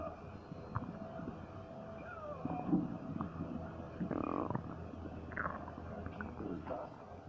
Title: Stomach Noises 4